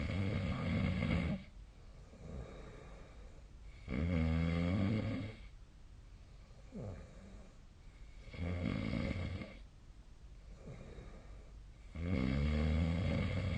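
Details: Snoring recorded with a snore-tracking phone app during sleep: loud, low, rattling snores about every four seconds with quiet breathing between them.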